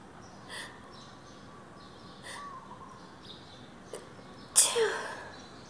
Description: I decided to try recording my sneezes in an empty stairwell to see what it would sound like. The sneezes ended up pretty harsh.